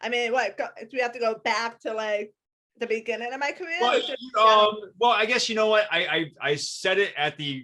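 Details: Adult woman with a lifelong disability and a lifelong speech impediment despite extensive speech therapy; speech impediment.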